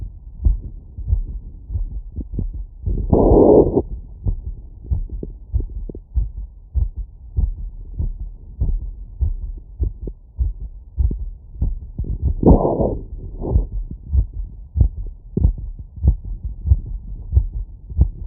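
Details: Heart sounds through a stethoscope after exercise (filtered 20–1000 Hz): a quick, steady heartbeat at about 95 beats a minute, with two brief breath noises.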